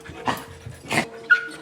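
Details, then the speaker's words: Dog coughing repeatedly, as if something is stuck: two harsh, hacking dry bursts within about a second; owner says the cough is not normal, stops for a while but returns when excited or running; dog coughing fit. "Wala, gagi, kawawa. Ubo siya ng ubo. Parang parang merong nakabara."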